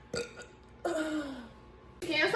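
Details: Person burping in a compilation: a short burp, then a longer, drawn-out falling burp, then another burst with voices.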